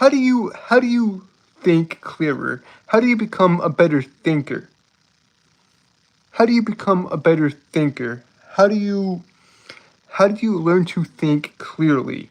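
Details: Adult man with a self-reported speech impediment causing stuttering and tripping over words, speaking on a live stream; many repeated words and phrases; stuttering.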